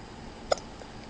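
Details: 2-year-old girl with hiccups while describing her Disneyland birthday trip: a single short, sharp hiccup over quiet room noise.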